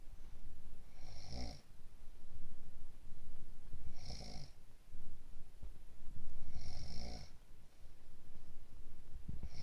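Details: Snoring while having a cold: regular low rumbling snores about every three seconds, roughly 20 breaths a minute, over steady room noise.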